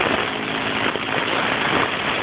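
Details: A girl receives a nebulizer breathing treatment for a cough through a fire-truck nebulizer: a steady mechanical hum and hiss of the nebulizer compressor running.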